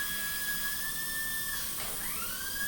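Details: Dental handpiece during live immediate-loading implant surgery with digital guide: high, steady whine that dips and then rises back to speed under load.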